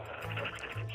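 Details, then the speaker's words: Heavy "like a train" snoring from a woman asleep on a bed, heard over a 911 phone call with faint background music: deep, low, rattling snore with fluttering lips. "is that her snoring that i'm hearing you hear it and she's snoring like a train"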